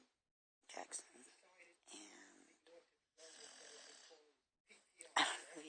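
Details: Sleeping pitbull dog snoring: irregular rough, rattling breathing noises in short uneven bursts.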